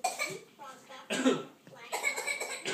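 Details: A young child's voluntary, playful pretend cough: about three deliberate voiced coughs, made on request and not from illness.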